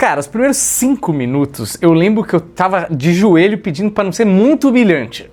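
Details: Adult speaker; typical speech.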